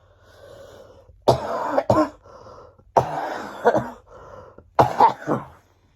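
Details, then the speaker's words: Three bouts of harsh coughing with audible in-breaths between, from a child whose cough has lasted about three weeks and is now mostly better; lingering post-illness cough. "I'm coughing nowhere near as but I think I'm nearly better now finally"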